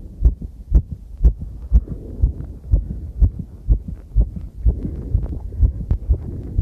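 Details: Own heartbeat recorded while cycling over challenging terrain, noisy with clipping: fast, regular thumps at about 120 a minute under heavy rumbling movement noise; rapid heartbeat during exercise.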